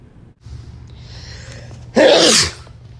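A single loud sneeze bursts out after a quiet intake of breath, over low room hum; an ordinary sneeze.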